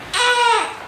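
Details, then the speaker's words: 3.5-week-old baby boy lying on his side during tummy time gives one short, high, strained cry with pitch falling at the end; ordinary fussing cry. "Uh-oh, he's not loving it. Normally, he likes this for a little bit."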